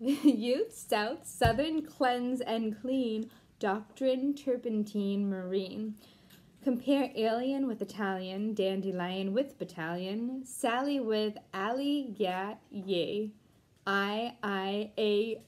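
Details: Deaf speech in a Deaf woman who was once completely mute and taught herself to talk again, reading an English poem aloud without being able to hear herself.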